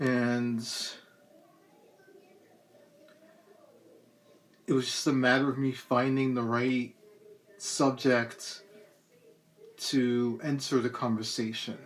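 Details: Adult male poet reading his own poem, with a lifelong speech impediment that is a complication of cerebral palsy. Hesitant, stop-start stuttering and stammering persists despite speech therapy through elementary, middle and high school. Dysfluent speech (stuttering) in cerebral palsy.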